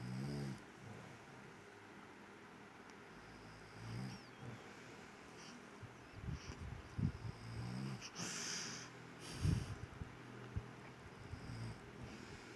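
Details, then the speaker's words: Baby boy sleeping, low rough rumbling snores recurring in a quiet room; loud snoring for such a small child, with his father's snoring also heard. "Nah itu suara ngorok dedek. Masih kecil ngoroknya udah gede."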